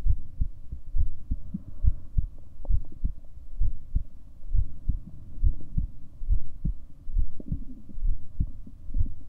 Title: 7 min recording for my heartbeat sounds